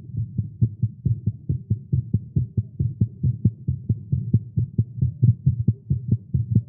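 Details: Male heartbeat after exercise and caffeine: rapid, steady low thumps at about 136 a minute with a faint hum underneath; fast heartbeat, tagged as irregular.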